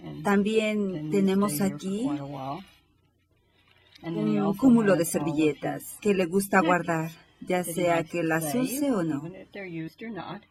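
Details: 58-year-old right-handed woman with logopenic variant primary progressive aphasia, symptom onset 4 years before recording, describing a picture; logopenic variant primary progressive aphasia.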